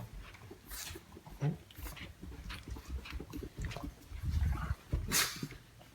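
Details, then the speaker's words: Dog sneezes sharply and breathily onto owner's feet indoors, amid snuffling and movement noise; sneeze. "y Bley you guys hear that he just sneeze all over my feet"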